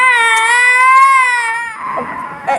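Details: Young child crying after taking cough medicine and wanting water: sustained, high-pitched wail fading into softer, breathy sobbing.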